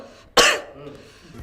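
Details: Single cough, possibly with flu symptoms: one sharp, loud cough burst followed by quiet room noise.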